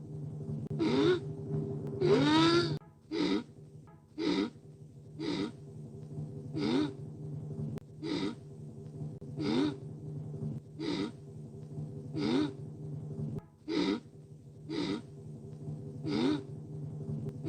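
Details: Animated cartoon character's endlessly building sneeze: repeated rhythmic gasping inhalations, about one every 1.5 seconds, over background music, building toward a sneeze.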